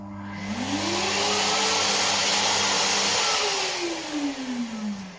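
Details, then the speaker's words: Nosiboo Pro NO0102 electric nasal aspirator for babies and small children running: a loud whoosh like a car tire pump, with a motor whine rising at start and falling at stop. "this doesn't make the noise that a vacuum makes it makes the one that a car tire pump makes"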